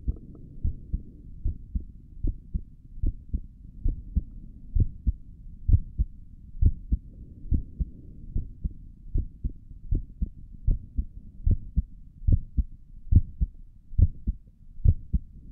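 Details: Own heartbeat recorded through a stethoscope on the chest for relaxing ASMR: soft regular thumping at around 70 beats a minute over low hiss; stomach gurgles occur in the recording; normal heart sounds.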